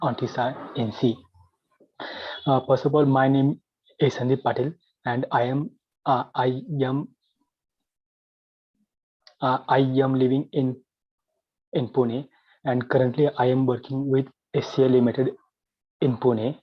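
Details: Adult man with stuttering (stammering) since childhood; he had therapy in 2010 and still wants to overcome it.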